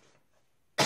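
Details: Near silence, then a single sharp cough or throat-clearing burst at the very end, cut off, from a French-speaking speaker who says his voice is hoarse.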